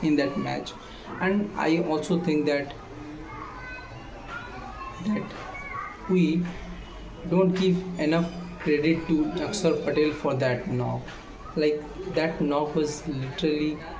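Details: Male speaker who states he stammers; stuttering, with restarts of a phrase after long pauses filled with voiced sounds.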